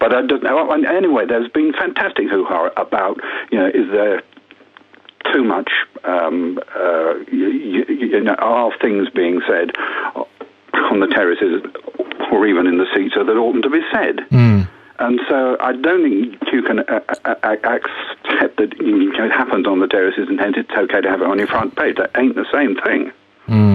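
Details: Stammering in an adult man who reports having stammered for 60 years; a real, lifelong stammer.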